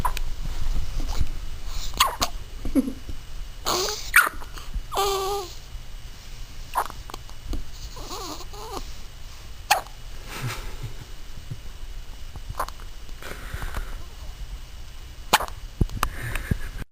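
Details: Repeated hiccups recorded 6-25-08: sharp hiccup jolts every few seconds amid soft vocal sounds and steady background noise.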